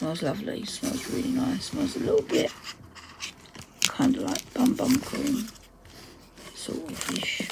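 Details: Adult woman whose dysphonia, she says, is playing up; dysphonia.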